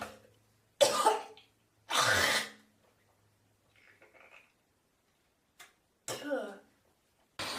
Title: morning coughing and spitting